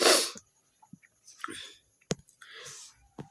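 A single sharp adult cough, followed by softer throat-clearing noises and breaths in a quiet room.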